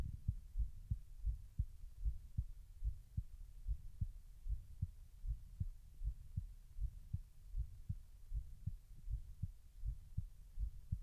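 Steady, soft, low thumps in lub-dub pairs at roughly 75 beats a minute; a regular heartbeat.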